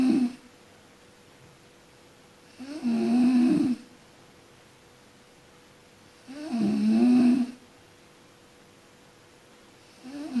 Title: Suara orang tidur Mendengkur